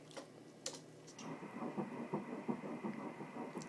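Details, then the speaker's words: Fetal heartbeat on pregnancy ultrasound, measured at 166 beats a minute: rapid, soft, regular whooshing pulses. "yay my baby has a heartbeat that is perfect how many beats 166 beats"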